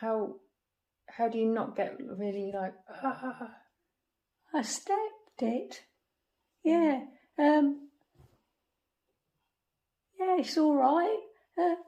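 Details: Non-fluent (expressive) aphasia in a woman after a stroke at age 46; halting speech with word-finding pauses.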